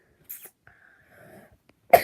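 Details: Child coughing on a sick day: two short, harsh bursts, a softer one early and a louder one at the end, with faint sound between them.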